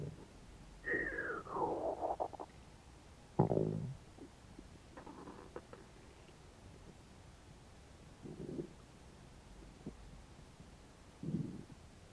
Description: i had not eaten for about 12 hours. sounds like my stomach is not okay with that....